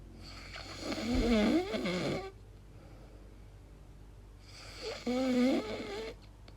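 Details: Adult recording their own sleep noises, wondering whether it is snoring or sleep apnea: two long, loud snoring breaths with a rough, wavering, almost voiced moan, separated by quiet pauses.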